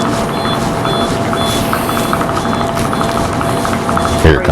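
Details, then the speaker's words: SmartLipo Triplex laser liposuction machine reaching its 50-degree temperature-probe limit: repeated short high-pitched beeps over steady machine hum and room noise, a safety alarm to stop and move on. "so now we're at 49 and there it goes it alarms and then we restart again so that's nice the machine has that safety factor that you can push it to the outer limit and it'll say okay you've pushed it as far as you can stop and move on"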